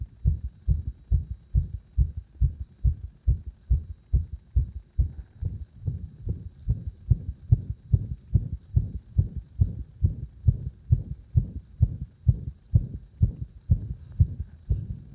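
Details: Fast, somewhat uneven heartbeat about 140 a minute, rhythm varying; arrhythmia induced by gradually increasing pressure on the heart.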